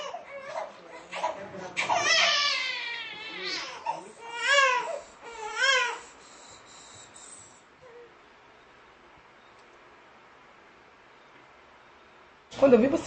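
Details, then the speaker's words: Crying infant in a music-therapy demonstration: several wailing bursts, then quiet with a brief sound at the end, the child said to stop crying on recognizing an environment resembling the womb. "então como podemos perceber é é a criança ela parou de chorar por causa que ela conseguiu identificar um ambiente parecido que ela estava há algum tempo atrás"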